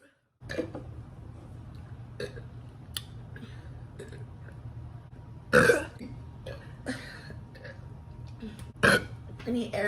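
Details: A girl burping, from a compilation: several loud burps, two of them long and forceful, mixed with laughter and talk.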